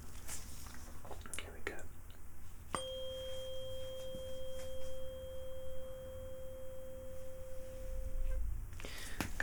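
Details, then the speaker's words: Weber test in a simulated ASMR roleplay cranial nerve exam: struck tuning fork placed at the centre of the forehead, patient asked whether the sound is even in both ears; steady pure tone for about six seconds, then fading. "I'm going to place in the center of the forehead and I want you to tell me does it sound the same roughly from both ears okay so they're looking for the sound to sound even across both ears"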